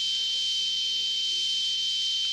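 Steady high-pitched hiss with a single constant tone standing out above it, unchanging throughout. A simulation of combination-type tinnitus, the more common pattern where background noise carries a prominent foreground tone.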